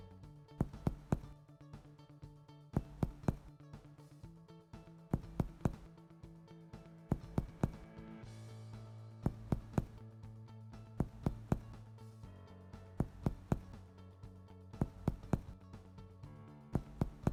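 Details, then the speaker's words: Normal resonant percussion note over the chest, from a medical student's simulated respiratory examination of an adult man, percussed before auscultation. "normal resonant sounds are heard"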